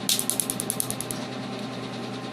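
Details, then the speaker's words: Rapid, evenly spaced sharp snapping clicks at 10 pulses per second over steady machine hum: a laser firing during tattoo removal on a man's left-arm sleeve tattoo. "so you see how quickly he goes ten ulcers per second it's a very efficient process"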